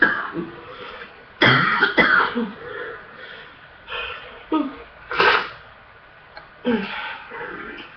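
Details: Person with a full, congested chest in a coughing fit: about five harsh, deep, loose coughs with throat clearing between them; chest congestion cough.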